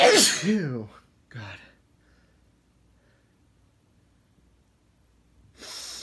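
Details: Adult male sneezing on a hot day: a forceful voiced sneeze and a short follow-up burst, a quiet pause, then the start of another sneeze; ordinary sneezing.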